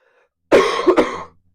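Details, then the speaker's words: A short burst of two or three harsh coughs run together from an adult who feels sick, during a live online Q&A; the speaker tries to cover the microphone. "I apologize for the coughing. I try to cover the microphone."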